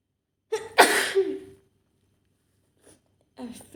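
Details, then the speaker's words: Simulated scenario of a woman coming down with a cold after being out in the rain, throat starting to hurt: acted sneeze with a short breathy intake, a sharp burst and a voiced tail, then faint talk. "I'm going to have a cold yeah I'm sorry I hope you're not going to catch it"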